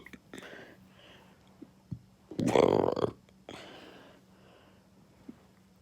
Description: Violent burps caused by fast food. Enjoy 🙂